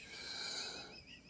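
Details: Lung auscultation during patient assessment of an alert man on 15 L/min oxygen via non-rebreather mask, breathing in and out on command; clear lungs, normal breath sounds.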